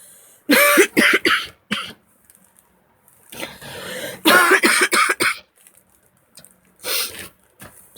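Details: Adult coughing a lot, woken by it: three bouts of repeated harsh coughs, about ten in all, separated by quiet pauses, without a wet rattling sound; dry cough.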